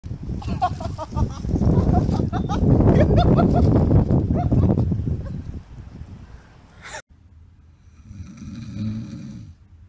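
Loud, rough, rumbling breathing noise for several seconds, then a quieter low rumble; snoring.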